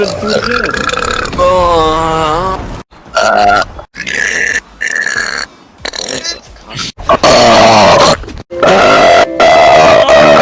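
A run of loud, drawn-out, voiced belches with short gaps between them; repeated burping.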